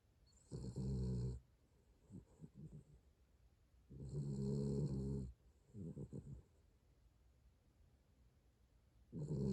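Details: Snoring in a sleeping dog named Hodu (recorded 21.11.4): rhythmic low rattling snores on each breath in, softer breaths out, about 13 breaths a minute.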